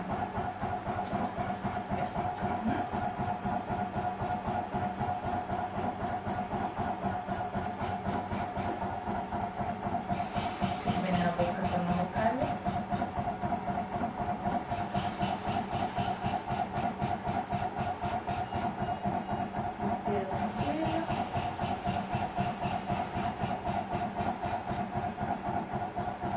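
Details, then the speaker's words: PEGASO cough assistance device running in percussion mode, a therapy averaging 10 minutes; steady, rapid mechanical pulsing at about 230 per minute. "The treatment with the PERCUSSION Mode has an average duration of 10 minutes"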